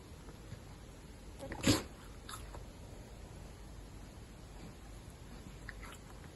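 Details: Caracal giving one sharp, explosive sneeze against quiet room noise; sneezing.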